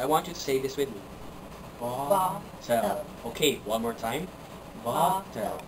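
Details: Adult clinician speaking; normal speech.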